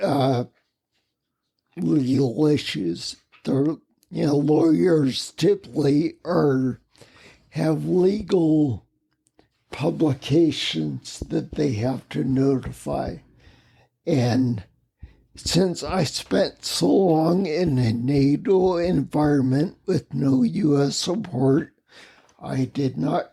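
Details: Ataxic dysarthria in a man with spinocerebellar ataxia, a rare neuromuscular disease causing mobility challenges and a speech impediment, lived with for over 20 years.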